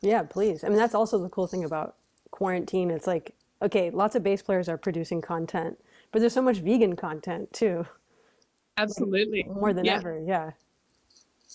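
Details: Adult woman speaking; normal speech.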